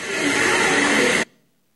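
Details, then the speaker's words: Mechanical insufflation-exsufflation (cough assist) device in respiratory physiotherapy for tracheostomized ALS patients: loud steady rushing hiss of deep inflation, then suction pulling air and secretions out like a vacuum cleaner, stopping abruptly. "ele é um grande aspirador olha lá ó enche ó Enche Enche Enche Enche Enche ó suga suga Su Su então ele suga todo ar toda secreção que ele é um grande aspirador de pó mesmo"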